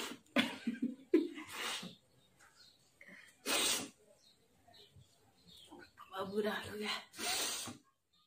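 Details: Two forceful sneezes among vocal noises and breathy sounds, deliberately set off by sniffing red chilli powder in a challenge; an irritant-triggered sneeze reflex.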